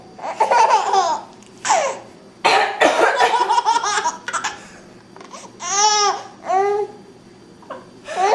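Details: An adult mother gives several harsh, noisy cough bursts in a small room while her infant laughs with high, gleeful squeals; an ordinary cough.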